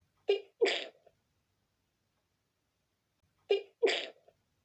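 Two sneezes, each a quick double burst with a sharp intake before, separated by a pause: part of an uncontrollable sneezing fit.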